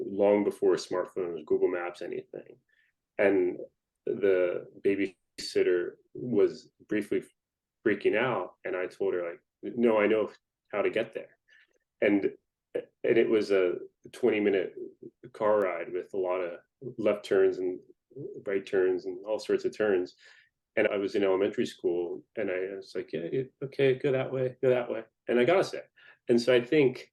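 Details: Adult man who identifies himself as a person who stutters; stuttering.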